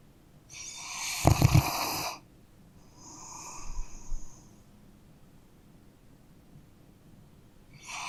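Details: A sleeping dog snores with rough, rattling breath noises, a loud snore followed by a softer one, with quiet pauses between; ordinary snoring.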